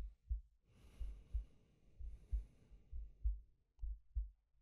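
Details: Male ASMR sleep-aid recording of heartbeat and breathing: soft, low paired thumps at about 65 beats a minute, regular, with slow breathing in the background; a normal heartbeat.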